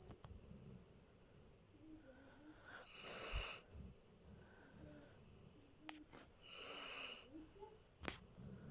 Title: Saint-Bernard Dog Sleeping and Snoring